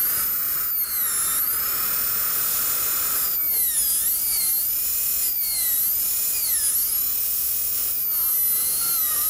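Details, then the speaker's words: Dental drill with 170-L carbide bur refining ledges and placing pinhole recesses on maxillary abutment teeth during three-unit anterior bridge preparation, patient with congenitally missing lateral incisors; high-pitched whine dipping as it cuts, rising between cuts. "Now we're going to take a 170-L carbide and refine our ledges slightly and place some recesses where we're going to drill our pinholes."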